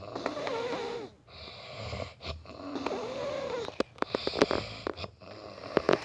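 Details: Male snoring during sleep: rattling, droning snores with short gaps between breaths, ending in a few sharp snorts; loud snoring.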